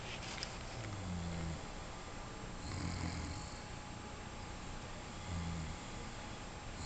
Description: Bubba sure does snore!